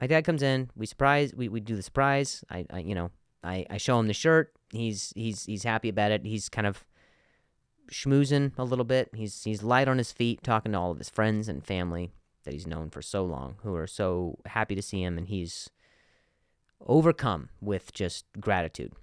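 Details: Adult man who stutters, speaking in conversation with word and part-word repetitions; stuttering.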